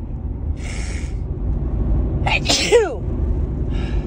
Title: 9-14 March sneezes (f, cold/allergies)